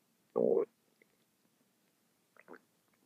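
A short gurgling rumble, then a fainter second gurgle in near silence. Ordinary bowel sounds from gas and fluid moving through the gut.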